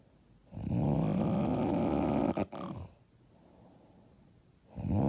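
Loud, rough, rattling snore on breathing in, then quiet, with the next snore starting.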